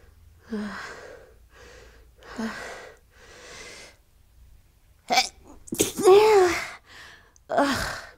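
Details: Morning sneezing fit on waking: a run of short sharp sneezes, then a louder voiced sneeze and gasps.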